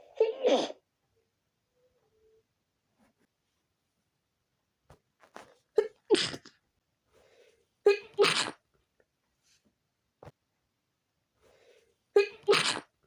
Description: Out of nowhere,I was hit by a sneezing fit that I couldn't control.